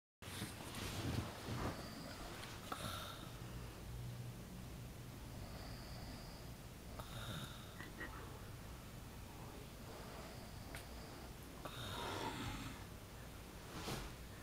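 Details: Snoring "like a pig" after eating all the food in the house: noisy snoring breaths with snorts and whistling sniffs over steady room hiss.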